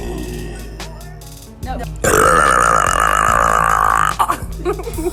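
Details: A girl's long, loud, rattling burp lasting about two seconds, with music playing in the background: burping.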